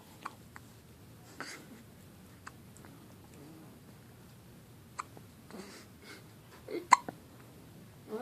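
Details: One-day-old newborn with hiccups: quiet, short, irregular clicks and catches with a louder one near the end, in a quiet room.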